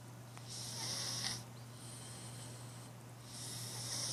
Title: Snoring Cat